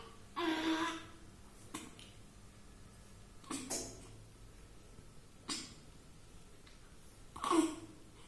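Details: 10-day-old 3 kg newborn in NICU with meconium aspiration and infection, improving after treatment; about five brief, weak coughs, some with a faint voiced squeak, in a quiet room.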